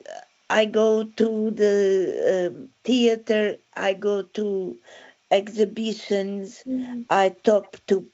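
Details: Aphasia following a stroke in December 2016, with word-finding difficulty.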